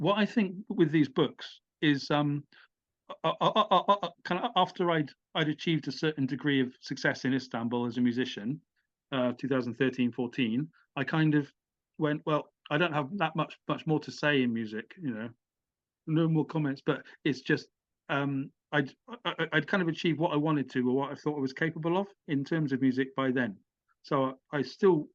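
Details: Adult British man, stammering since childhood with blocks, had speech therapy (voluntary stammering, replacement sounds), uses small repetitions as a technique, and says the stammer has become less intense with age; stuttering (stammering).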